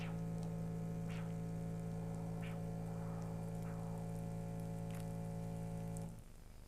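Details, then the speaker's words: Steady electrical hum with faint rhythmic swishing pulses about one a second: handheld Doppler arterial signal at the left ankle, posterior tibial artery behind the medial malleolus, during ankle-brachial index pressure measurement. "Applying the probe at a 45 degree angle to the axis of the arm and slowly sliding across the line of gel until you intersect the arterial signal. looking for the strongest signal possible by sliding back and forth."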